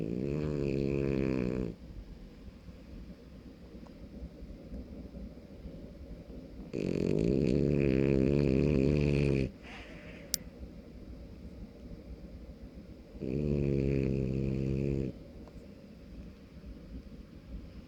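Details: Five-month-old French Bulldog puppy (brachycephalic) snoring loudly while asleep: buzzing snores at about nine breaths a minute with quiet pauses between.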